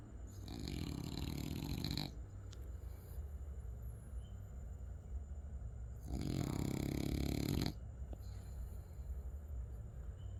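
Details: Heavy snoring from a French bulldog: two loud, rattling, fluttering snores about four seconds apart, each under two seconds, with quieter breathing between them.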